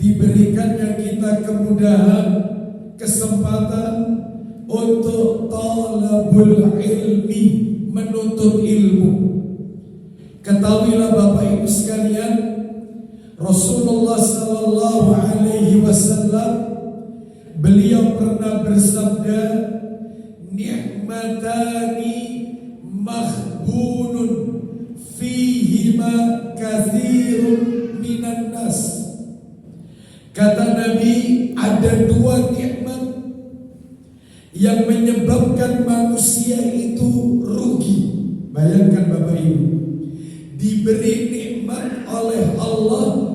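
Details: Adult male with a vocal cord disorder for almost 2 months, real, reportedly improved but still strained and forced; dysphonia.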